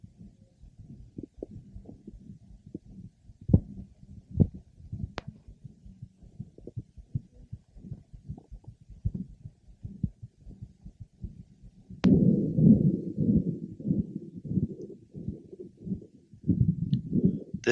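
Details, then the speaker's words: Pregnant woman sitting upright, head turned and stretched to the opposite side, stethoscope over the right supraclavicular fossa: low continuous roaring venous hum, an innocent murmur of pregnancy, obliterated by gentle jugular vein pressure. "we are listening over the right Supra clavicular FASA in the neck patient sitting upright and head turned with a stretch to the opposite direction gentle pressure over the jugular vein promptly obliterates the Venus hum"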